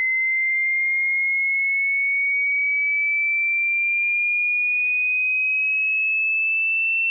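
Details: Tinnitus pitch-matching tone sweep for headphones or speakers: a single steady, high whistle-like pure tone gliding slowly upward in pitch.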